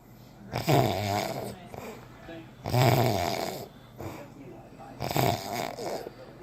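Loud, rough, rattling breaths in three long bursts with quieter breathing between, about 28 a minute; snoring.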